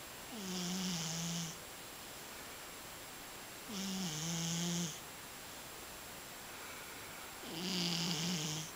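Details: Scottish Fold cat snoring while asleep: three low, buzzing snores with a breathy hiss, about 16 breaths a minute.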